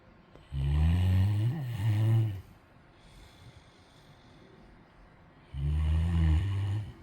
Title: snoring